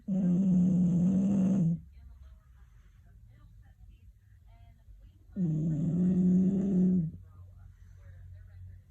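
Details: Sleeping dog snoring: two long, deep, rumbling snores with quiet pauses between them.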